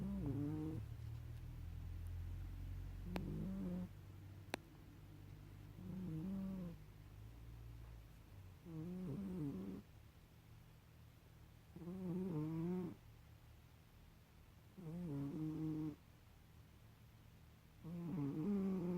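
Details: Soft, rhythmic snoring from a sleeping cat, a snore about every three seconds (roughly 20 a minute) over low room hum.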